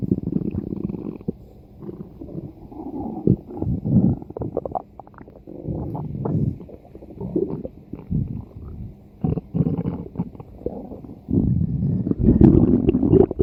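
Long stretches of gurgling, bubbling rumbles from the belly, coming in waves; ordinary stomach growling.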